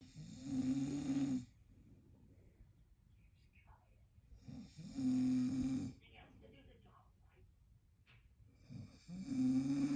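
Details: Husband snoring: deep, buzzing snores about every four to five seconds, quiet between, in a still room.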